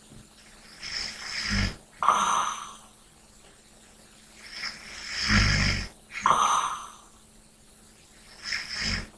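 Rough, rattling snores on each breath in, about 14 breaths a minute, with softer breathing out between them; quiet room.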